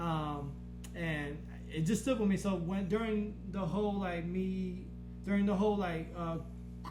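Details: Man with a stutter since growing up, much worsened after a blast-wave brain injury during military deployment; he stutters in conversation but not when rapping; finding: stuttering.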